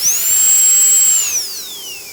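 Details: Dentist drill during a complicated root canal: high-pitched whining drill that holds steady, then winds down in pitch; dental drill.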